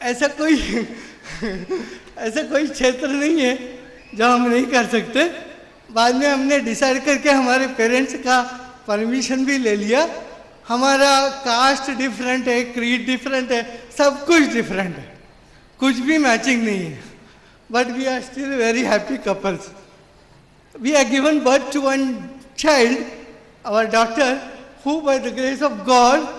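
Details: Adult man with severe cerebral palsy since birth, considered 100% disabled, who could not walk or talk as a child; finding: dysarthria due to cerebral palsy.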